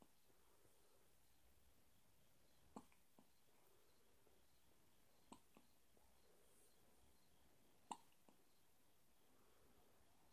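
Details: 2-week-old infant at 4am: three soft, sharp hiccup sounds, each with a faint smaller echo, spaced a few seconds apart in a quiet room; infant hiccups.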